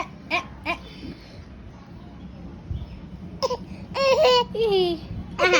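An infant gives short fussy cries and whimpers, a few brief voiced bursts over low room noise.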